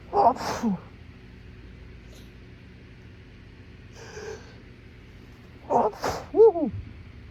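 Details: Allergy attack after a plume of pollen from a trash lid, with intense nasal tickling: three forceful sneezes with quiet gaps, the last ending in a short voiced groan; sneezing fit.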